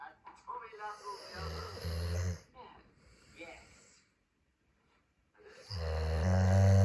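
Deep rumbling snores, with television speech in the background; ordinary snoring.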